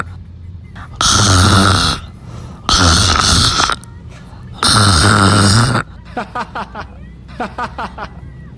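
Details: Person sleeping in a car, snoring loudly and drooling; three loud, rough, rattling snores about two seconds apart with quieter breathing between.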